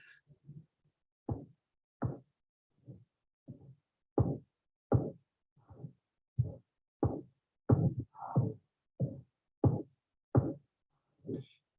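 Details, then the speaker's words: Regular low thudding heart sounds at about 90 a minute with an obvious, harsh, drum-beating systolic murmur of pulmonary stenosis. "okay so look at this it's like a drum beating sound [Music] you see the so this type of murmur you have to take care of it okay sorry okay so this is the uh systolic murmur this is like a drum beating and it is very uh uh obvious murmur"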